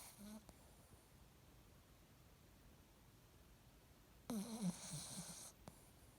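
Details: Selah snoozing: two brief rough, fluttering breathing sounds during sleep separated by a long quiet gap; snoring.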